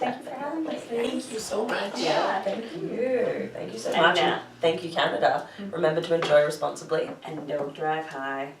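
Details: Adult women speaking; Normal speech.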